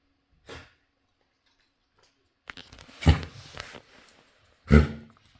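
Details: Female dog gives a few harsh, forceful, honking, hacking coughs; owner says she has kennel cough.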